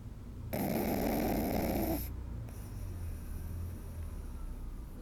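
A loud rattling snore from a sleeping pug puppy, followed by quieter noisy breathing.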